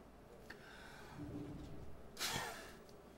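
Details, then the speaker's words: Peak flow meter for asthma, coached by a pharmacist to take a deep breath in, seal lips around the mouthpiece and blow hard: a quick breath in, then a short, sharp forceful blast out, reading around 440. "Take a deep breath in, wrap your lips around, and blow it hard, okay?"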